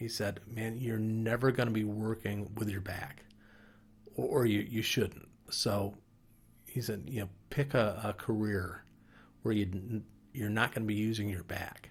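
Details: Adult man, five years after a stroke from a clot affecting Broca's area, with a mild case; speech less fluent, pausing to line up short phrases and struggling to form words; Broca's (non-fluent) aphasia.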